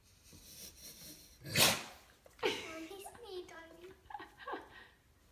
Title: Huge Newfoundland dog sneezes on little girl